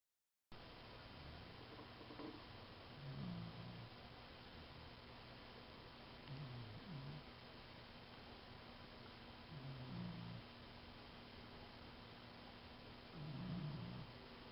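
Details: Soft, low snorts recur about every three to four seconds as a dog snores in deep sleep in her new dog bed.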